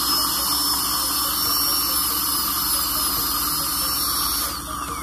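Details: Dental drill on the lower right second molar during a dental filling visit: a steady high-pitched whine with a low hum underneath as decay is removed before the filling.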